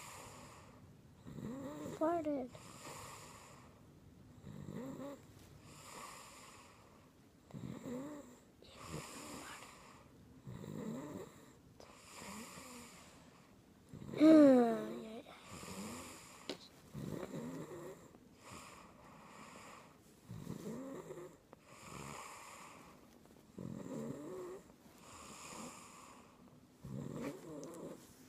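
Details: Rough, regular snoring repeating every few seconds with each breath of a sleeping adult.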